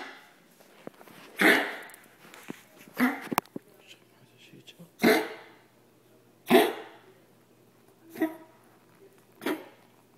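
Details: Yorkie with a persistent cough, vet-diagnosed partially collapsed trachea, filmed in December 2010 to show the vet: six harsh, honking cough bursts in ten seconds; tracheal collapse cough.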